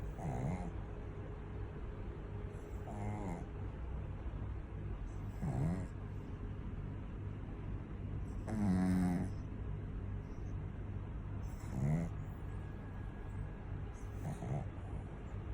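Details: Pug snoring loudly in sleep: rattling snores about one every three seconds (roughly 20 breaths a minute) over a steady low background hum.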